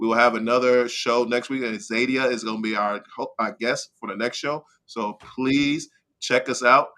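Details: Adult man with slurred speech after a stroke in September 2015, which also caused aphasia and short-term memory loss; dysarthria.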